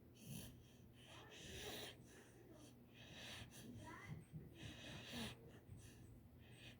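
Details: Sleeping dog snoring: rough, rattling breathing sounds on repeated breaths, with snorting and a faint whistle.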